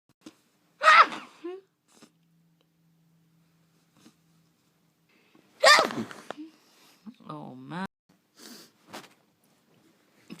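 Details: Person deliberately muffling sneezes on request: two sneezes several seconds apart, each a sharp burst of air, then a brief voiced sound; one came out unmuffled. Sneezing.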